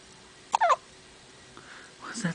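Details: Dylan's hiccups: two brief, sharp, squeaky hiccup sounds in a quiet room; his whole body shakes with each one.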